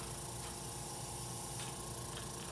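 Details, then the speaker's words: Steady whirring hum with gurgling, bubbling edge: suction machine turned up, pulling saline through tubing to clear it after tracheostomy suctioning of an adult male patient. "I want to clear this suction out so I am going to go ahead and turn the suction up and just run it right back into this Bailey"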